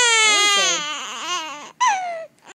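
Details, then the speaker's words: Baby girl, upset after being coaxed to sneeze while reading a book, cries: high-pitched wail with falling pitch, brief pause, then a second shorter cry. "oh all the pressure is getting to her getting upset"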